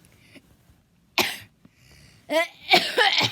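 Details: A sharp, harsh cough burst followed by rougher voiced coughs in a quiet hotel room, described as a horrible cough; H suggests a child's cough.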